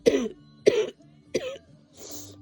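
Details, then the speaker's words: Three deliberate, short, dry coughs and then a sniff, performed on viewers' request, with faint Christmas music in the background. "You guys suggested the coughing and sniffling,"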